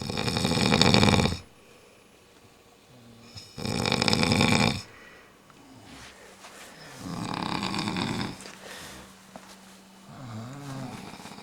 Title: GRAPEVINE DARAKBANG-2010 MIRACLE HOTSPRING-5, snoring contest